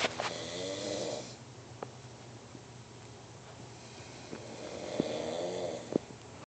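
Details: Person snoring in sleep: two rough, rattling snores on breathing in, separated by a quiet breath out.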